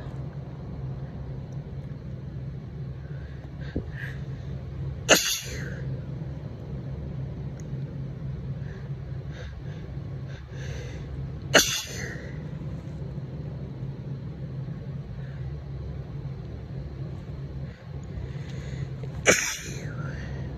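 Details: Adult woman with seasonal allergies and congestion, mic very close, slightly tipsy: three sharp, explosive sneezes several seconds apart with faint sniffing and breathing between, over low hum; desperate allergy sneezing.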